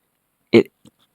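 One abrupt, loud voiced burst, then a faint second sound, fitting a single stifled sneeze.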